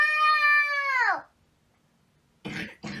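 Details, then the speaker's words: A toddler girl with a cough who is refusing cough medicine gives a drawn-out whining cry, a pause, then two short harsh coughs: cough. "Oh, look. You have the cough."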